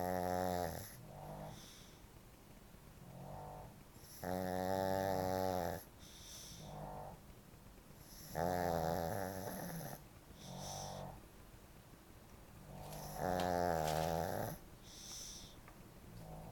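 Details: Sleeping Shih Tzu dog Chloe snoring loudly: rhythmic buzzing snores on each in-breath, softer sounds on breathing out, about 14 breaths a minute.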